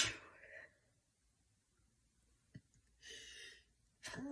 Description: Hey everyone! This video includes some stifled and mostly unstifled sneezes.